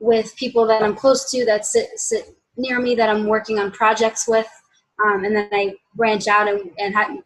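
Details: Adult woman, stuttering since childhood, worsening after college; self-described pretty mild covert stutterer who hides it by switching words; had speech and cognitive behavior therapy; finding: stuttering (mild, covert).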